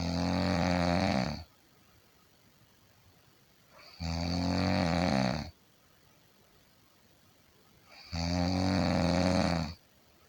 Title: 50 minutes of Snoring sound - Snoring like nobody else